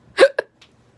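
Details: Female cosplayer acting as Castiel in a simulated scene: a sudden voiced gulp, then a second short catch in the throat, said to have started while eating a burger; acted hiccups.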